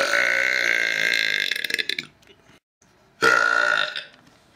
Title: Random Burps